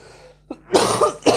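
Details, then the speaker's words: Adult stand-up comedian coughing during a performance, apologising for his flu. "I apologize for my flu again. It's gone very down"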